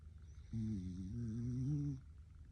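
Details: A female pet dog gives one long, low, rumbling breath with a grunting, pig-like quality over steady background hum: a dog snoring.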